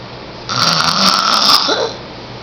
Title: 10yr old me snoring loud